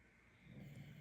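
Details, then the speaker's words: Low, soft rumbling snoring from a sleeping dog rising halfway through in a quiet room. "If you can hear snoring, that's you know who."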